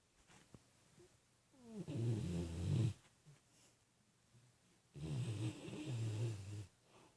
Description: Ida is a big bountiful girl. In every way...dreams big and snores big too.